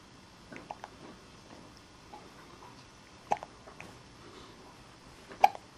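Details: Hiccups in a baby girl just under two months old.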